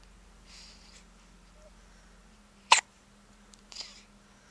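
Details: Hiccups: a single sharp, abrupt hiccup in a quiet room, with a fainter catch about a second later.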